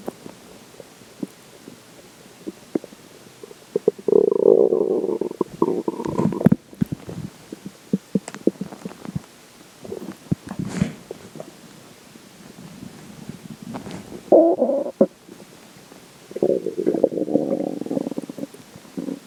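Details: Stomach growling after drinking water: loud gurgling, bubbling rumbles in irregular bursts with quieter pops between; borborygmi.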